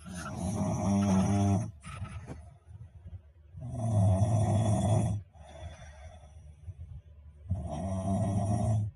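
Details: Loud, rough, low snores on the in-breath, three in nine seconds with quieter breathing between, about 17 a minute: snoring.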